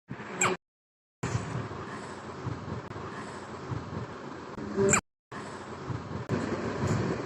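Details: Baby's first hiccups: two brief, sharp infant hiccup catches over steady road and engine noise inside a moving vehicle.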